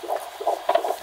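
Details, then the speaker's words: Fetal heartbeat on Doppler at the 20-week scan: quick, regular whooshing pulses judged normal, within 110–160 bpm, rising with fetal movement. "Nee, is keurig. Ja? Tussen de 110 en de 160."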